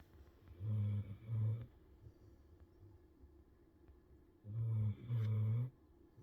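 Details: Two pairs of low, rumbling snores during sleep, each pair a short snore then a longer one, with quiet breathing between them; ordinary sleep snoring.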